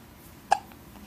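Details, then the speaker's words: Baby girl with hiccups, a wet tissue placed on her forehead as a home remedy that is not working, still hiccuping: hiccups. "Yeah. Look at See here. That's still hiccuping. See?"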